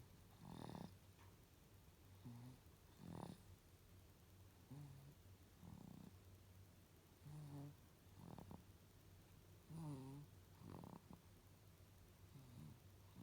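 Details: Japanese baby boy aged 102 days snoring while asleep: soft, regular snoring breaths about 24 a minute in a quiet room, described as surprisingly big snoring.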